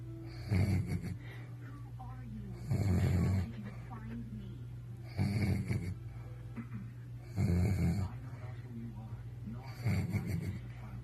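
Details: Adult male passed out asleep after a night of drinking: loud, rattling low snores about every two to three seconds, five in eleven seconds, with quieter breathing between; heavy snoring.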